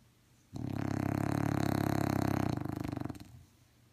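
One long, low rattling snore from a sleeping dog, a fluttering vibration lasting about three seconds.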